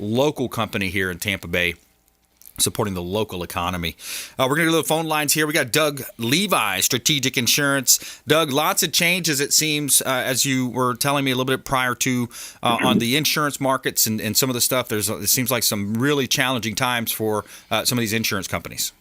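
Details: Adult male radio host; Ordinary speech.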